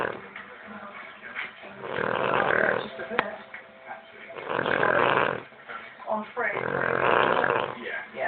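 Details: Dog snoring: rough, rattling breathing noises in repeated bursts roughly every two to three seconds, with quiet gaps between.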